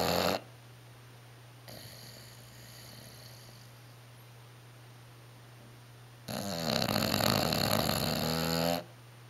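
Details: snoring: Bulldog napping in a recliner gives a long, loud, rattling snore over a steady low hum, with quieter breathing between; the snoring is audible upstairs across the house.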